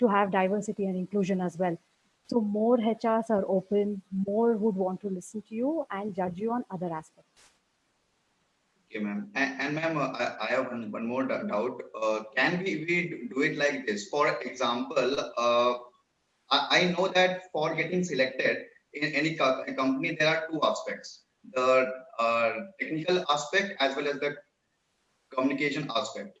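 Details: Stammering in an adult working man who says his stammering hinders him from expressing his knowledge at work; finding: stuttering.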